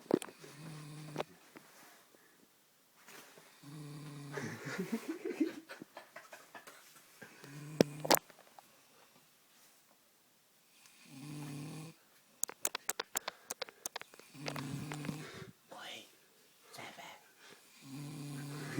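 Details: Woman described as drunk, asleep: repeated rough, buzzing breaths in and out with snorting catches and sharp clicks, a few seconds apart; snoring.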